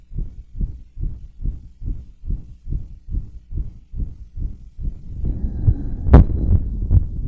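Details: Heartbeat recorded after bouncing around and blowing up a giant balloon; pounding heart under stress; normal heart sounds at a fast rate after exertion.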